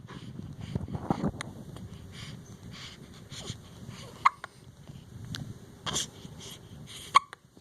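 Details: Late-night hiccups around 11pm: repeated sharp, sudden hiccup sounds at an uneven pace, roughly 20 a minute, over quiet room noise.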